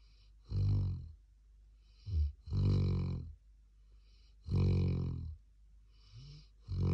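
Deep, low, vibrating snores repeating about every two seconds with short pauses between; steady snoring in a sleeping dog.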